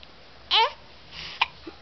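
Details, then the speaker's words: A baby girl upset by her hiccups, unable to get a word out: two brief, abrupt voiced catches about a second apart in a quiet room. "don't like the hiccups Mommy make them go away I'm sorry baby girl I wish I could help"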